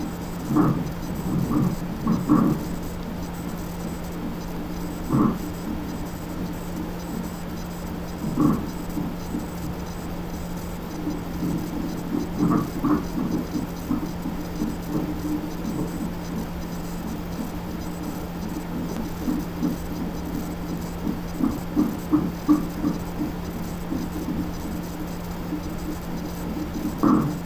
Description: The baby's heartbeat mixed with her kicks & movements. I recorded it from the fetal heart monitor & added her ultrasound pics with it.